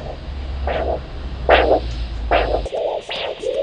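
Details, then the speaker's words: Handheld Doppler (Huntleigh Dopplex) over the brachial artery with arm cuff during leg ulcer assessment for ankle-brachial pressure: rhythmic whooshing arterial pulses, about 73/min, returning as the cuff deflates, marking brachial systolic pressure. "using the doppler locate the artery and inflate the cuff until the sound disappears and then slowly deflate the point at which the sound returns is the brachial systolic pressure which is then recorded"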